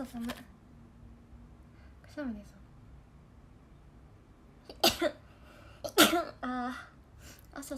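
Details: Two sharp sneezes from young Japanese women, with quick intakes and soft voiced sounds amid light background talk; ordinary sneezing.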